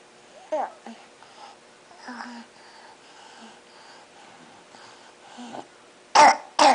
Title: Trying to Nap with cough